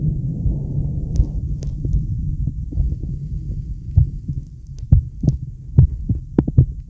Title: Male heartbeat sound + deep breaths